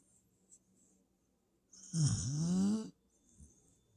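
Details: Snoring in a sleeping dog (tagged puppy): a single loud, rattling snore lasting about a second, rising in pitch, in a quiet room.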